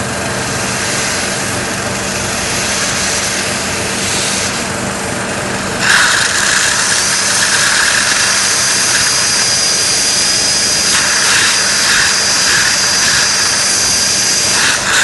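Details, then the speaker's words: Basal (BOI) dental implant placement, bone height 3 mm above mental foramen: steady high-pitched surgical drill whine, squealing as the disc cutter deepens the vertical osteotomy from 7 mm toward 12 mm in the jaw; dental surgical drill. "the vertical cut good so the osty is progressing so the 7 mm cut has been performed the disc has gone in inserted inside so I still have to continue going okay further in because we have to go all the way 12 mm so let me cut some more"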